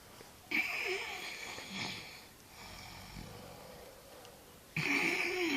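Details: Snoring: two loud, rasping snoring breaths about four seconds apart, with quieter breathing between them.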